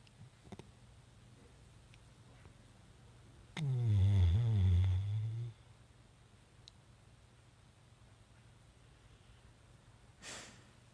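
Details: A single low, rumbling snore lasting about two seconds in a quiet room, then soft breathing; snoring.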